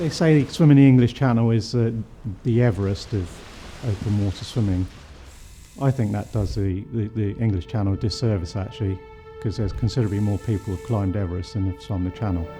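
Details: Adult male speaker; ordinary speech.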